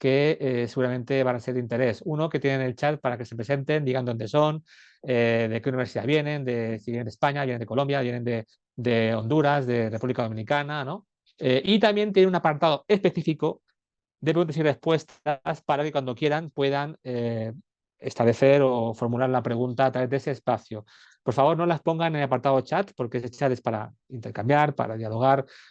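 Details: Adult male speaker; normal speech.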